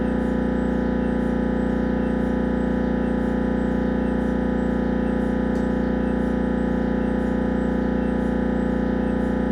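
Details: Siemens Magnetom Avanto MRI during a head scan: loud, steady, rhythmic buzzing and knocking at about 160 pulses a minute; typical MRI gradient noise.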